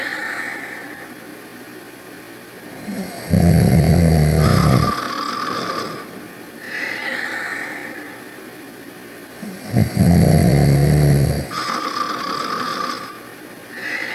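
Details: Ruby and Sonic snoring: deep rumbling snores on the in-breath with whistling sounds on the out-breath, about four breaths in fourteen seconds.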